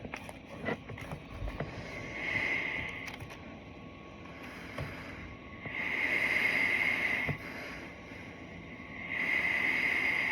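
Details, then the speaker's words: Steady airy hiss from a running ResMed AirMini CPAP, swelling with each breath about 18 times a minute. "That's going to be the sound that's generated when you're using your stationary device. Now, let's try it on the Air Mini."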